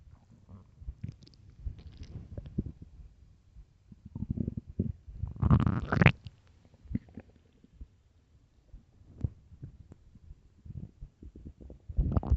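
Irregular low gurgling and rumbling bursts with quiet gaps, building to a louder rumble midway; stomach growling from an empty, hungry stomach.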